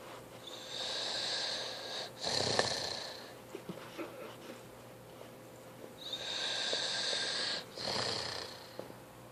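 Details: Snoring in a sleeping teenager who fell asleep during a movie: two long whistling, rasping snores, each followed by a snort.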